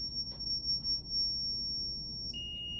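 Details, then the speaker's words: Zoll R Series defibrillator in synchronized cardioversion mode charging a second time, energy raised from 50 to 100 joules, in a training demonstration: steady high-pitched charging tone, with a second higher tone joining near the end. "the first one is at 50 the second one we're gonna move up to 100 we're gonna charge a second time"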